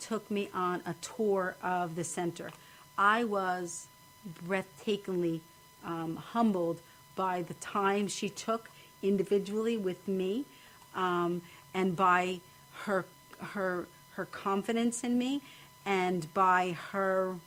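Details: Aphasia in a woman after a stroke at age 26, recorded after a long recovery, with ongoing difficulty speaking to people.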